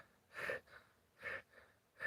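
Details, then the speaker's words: Sick goose ("Pretty Bird") on antibiotics and worming, with suspected gapeworm, upper respiratory infection or pneumonia, said to be improving: loud rasping breaths in and out, about 70 a minute, easily heard; labored breathing. "I don't know if y'all can hear that or not. You can still hear him breathing. It's like a,"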